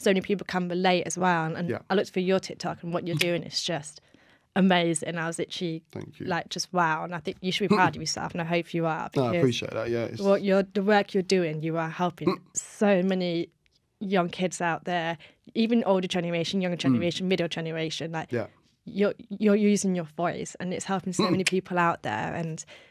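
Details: Adult woman speaking; normal fluent speech.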